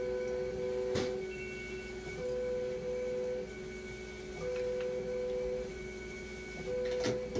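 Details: Hemodialysis machine during conductivity cell calibration with a conductivity meter, acid and bicarbonate lines connected: steady machine hum with repeating tonal beeps and occasional clicks, music in background.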